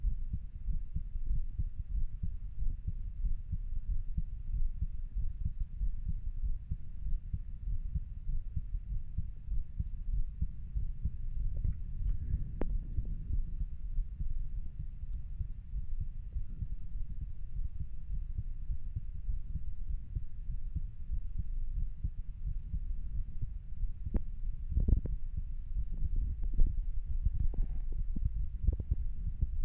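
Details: Usual heart sounds recorded while lying down: muffled low heart thumps repeating steadily under a deep rumble; normal heart sounds.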